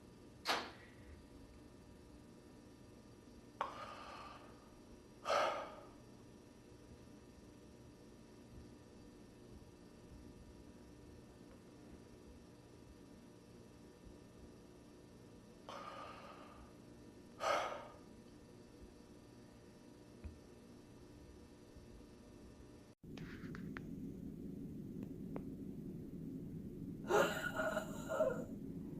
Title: Sample Gasping Breath